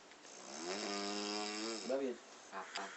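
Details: Sleeping adult snoring: long, loud, buzzing rattling snore on breathing in, followed by a short snort.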